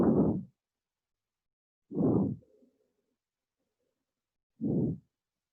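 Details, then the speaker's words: Three low, coarse, rumbling rhonchi heard through a stethoscope, used as a diagnostic sign in a paediatrics lecture on acute bronchiolitis and bronchial asthma; rhonchi. "এই যে রংকাই যখন stethoscope দিয়ে শুনবো।"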